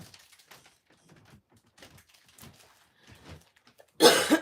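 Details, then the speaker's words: A streamer coughing, complaining of an ongoing, tiresome cough. "Oh, I'm so tired of this cough."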